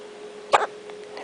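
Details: One-day-old newborn's hiccup during a bout of repeated hiccups: one abrupt, sharp, gulping catch of breath over a faint steady hum.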